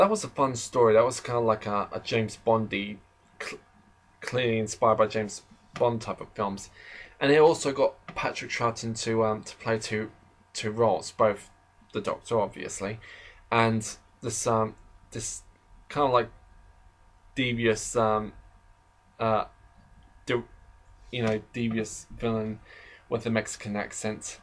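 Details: Adult male who describes himself as slightly stammering, in natural conversational speech; stuttering.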